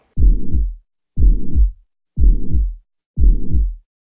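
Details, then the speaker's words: Mitral regurgitation: hollow, blowing systolic murmur, loudest at the mitral area, filling each beat of a regular heartbeat at about 60 a minute. "systolic and number two its loudest where the mitral area you kind of hear this hollow systolic murmur"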